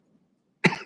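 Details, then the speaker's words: Single short, dry cough from an adult speaking at a committee meeting, with quiet room sound before it; a little dry cough. "excuse me struggling with a little dry cough here"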